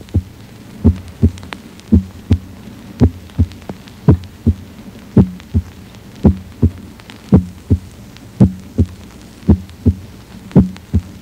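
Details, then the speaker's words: Simulated heart sounds from a heart-sound simulator in mitral stenosis, about 55 beats a minute at the apex; the first heart sound becomes loud, sharp and higher-pitched as stenosis develops; accentuated first heart sound. "à medida que desenvolve a estenose mitral a primeira buha cardíaca torna-se acentuada é mais intensa e de Tom mais agudo"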